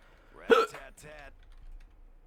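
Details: Hiccup during a recorded co-op gaming session, heard as a single sharp, abrupt voiced gulp followed by a short vocal sound, with faint clicking in the background.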